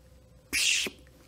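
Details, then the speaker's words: Vocal imitation of a tricuspid regurgitation murmur: brief, even, high-pitched plateau-shaped systolic hiss, heard in the tricuspid area, similar to mitral regurgitation. "The tricuspid regurgitation murmur has a lot of similar features with mitral regurgitation, it's high in pitch, it has a [making a"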